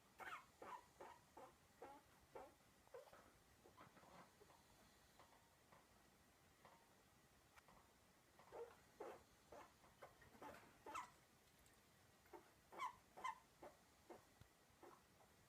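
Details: Chinchilla coughing: repeated short, sharp, faint bursts in uneven runs.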